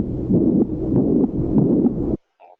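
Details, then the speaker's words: Harsh, rumbling whooshing sound with each beat: a teaching recording of the systolic murmur of aortic stenosis, turbulent flow across a narrowed aortic valve, heard with the first heart sound. "esto es lo que decíamos no escuchamos estenosis aórtica escuchamos estenosis aórtica deseamos será en el primer ruido con este sonido"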